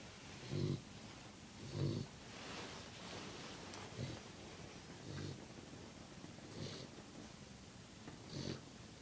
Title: Puppy Snoring 4